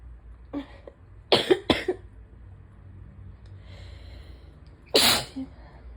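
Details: Adult with days of chest symptoms, stuffy nose and sore throat, suspected allergies and asthma, recorded during an allergy attack: three abrupt explosive sneezes, two close together then one after a pause, with quiet breathing between.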